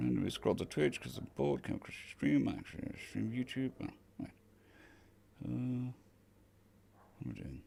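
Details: Dysphonia in a man on day 2 of recovery after vocal cord surgery; cords mostly healed but lacking strength and stamina, sounding laryngitis-like, with physiotherapy pushing the voice.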